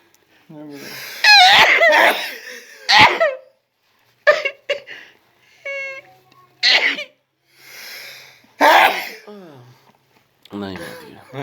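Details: Sneezing contest in a group: several loud sneezes from different voices, with laughter and chatter between them.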